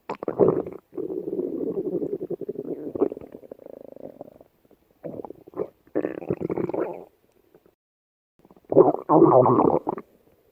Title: Jumper Jelly's Stomach Growl